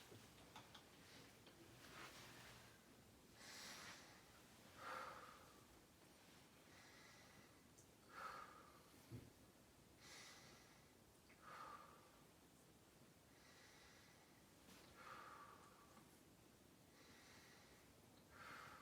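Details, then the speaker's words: Posterior thorax auscultation with stethoscope during a nursing head-to-toe assessment, patient breathing in through the nose and out through the mouth: soft even breaths, about 18 per minute, clear with no adventitious sounds. "upon auscultation I do not hear any adventitious sounds and the lung sounds are clear throughout"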